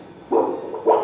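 Two rhythmic whooshing pulses from a Doppler probe over a spermatic cord vessel, showing pulsatile blood flow.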